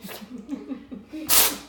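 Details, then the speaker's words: Cat sneezing fit with thick yellow mucoid nasal discharge: snuffly, wet nasal sounds building to a sharp sneeze; vet thinks not allergies or inflammation but likely early respiratory infection, planning antibiotics. "a good video of cat sneezing, and this is mucoid, so it's kind of thick and snotty. So I don't think it's allergies or inflammation."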